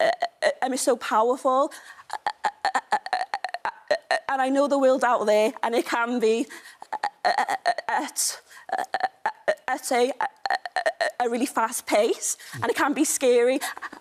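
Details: Stammer in a woman, a stammer campaigner.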